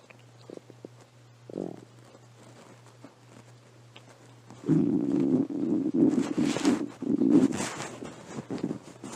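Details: Pet's stomach growling: a quiet start, then a run of low gurgling rumbles, normal digestive bowel sounds (borborygmi).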